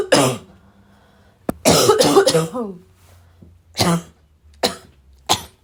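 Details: Repeated dry barking cough: several harsh, dry, barking coughs in separate bursts, with a throat clear between them.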